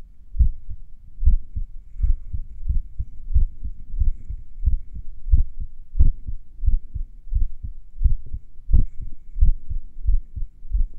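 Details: Heartbeat a few minutes after morning exercise, during recovery: about 90 per minute with gaps between beats varying from beat to beat; sinus arrhythmia.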